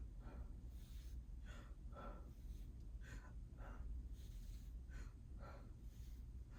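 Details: Repeated soft, even breath sounds as an adult male patient takes deep breaths in and out during a student nurse practitioner's respiratory exam, judged normal: normal breath sounds.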